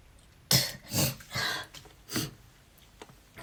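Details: Person with asthma, unwell with a cold, coughing nonstop while brushing teeth: four harsh, rapid coughs in a short fit.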